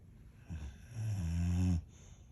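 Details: Boxer dog snoring loudly while asleep, stretching between bouts of snoring: a single low, rattling snore on an in-breath, under a second long, after a brief snort, in a quiet room.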